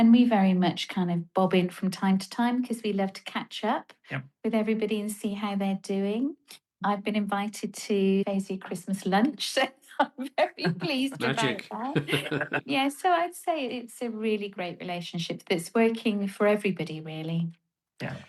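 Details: Adult woman speaking, brief replies from another person; normal fluent speech.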